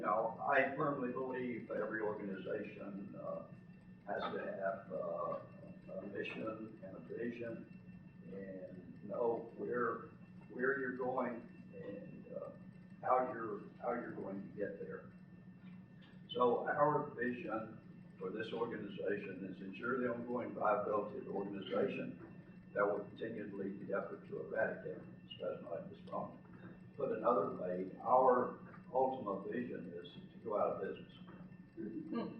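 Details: Adult man with spasmodic dysphonia, who counts himself among those living with the condition, speaking in real connected speech; spasmodic dysphonia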